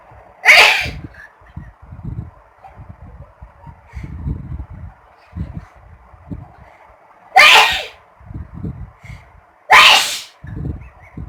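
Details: Adult woman (a mother) sneezing on request, likely deliberately: three loud, explosive sneezes over about eleven seconds, with quiet room noise and faint sounds between them.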